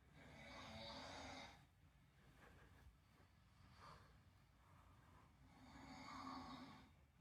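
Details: Person snoring, with a pet cockatoo reacting: soft, hissing snores on slow breaths about five seconds apart, with faint room noise.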